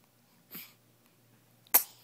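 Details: An infant gives two small sneezes in a quiet room, a soft airy burst followed about a second later by a sharper, louder hiss-like burst; sneeze.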